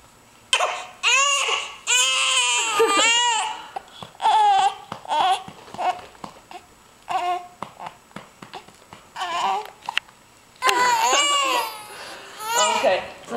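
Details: Infant girl crying, said to suffer bad gas pains and frequent hiccups and to throw up when laid down after feeds; loud, rising and falling wails in repeated bursts with short breaths between; infant cry.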